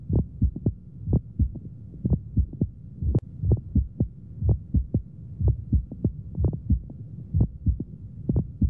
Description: dato semiológico de la auscultación en algunos pacientes con neumomediastino, que consiste en un ruido como crujido que se oye sincrónico con los latidos del corazón, auscultados sobre el área precordial y su imagen rx. de doble pericardio.